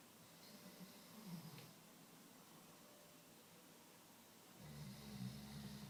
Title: my chocolate labradors snoozing/snoring